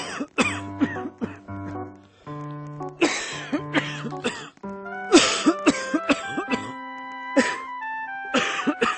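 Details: Coughing fit of repeated harsh coughs and throat clearing over loud background music; person reports a viral illness and cannot stop coughing.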